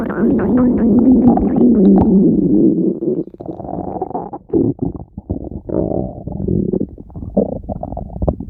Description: stomach growls while in her very cute style!